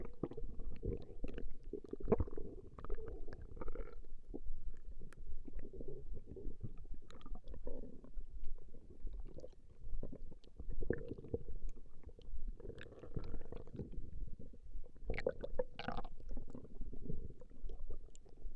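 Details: Recording of a woman's stomach growling: low, irregular gurgling and rumbling bowel sounds throughout with louder bursts, from gas and fluid moving through the gut; ordinary borborygmi.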